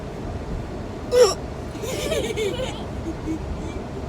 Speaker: It sounds like you're gasping for air underwater.